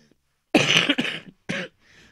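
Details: Adult woman coughing while talking during a cross-stitch and knitting vlog: a harsh double cough followed by a shorter third cough.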